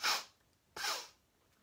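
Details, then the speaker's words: A person with Tourette syndrome demonstrates a frequent sniffing vocal tic: two sharp, forceful nasal sniffs, each a brief hissing rush of air. "so one I just did with the first one is sniffing or doing a really strong sniff which is"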